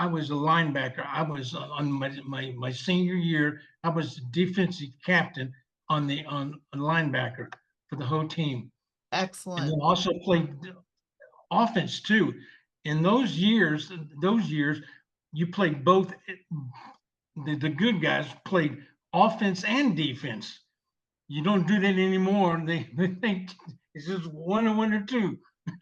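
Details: 74-year-old male veteran with aphasia from a stroke 7 years earlier, receiving long-term speech therapy; aphasia.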